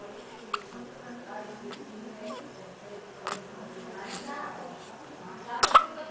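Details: Hiccups in an infant girl: several brief, sharp hiccup sounds, with quiet voices in the background of the room.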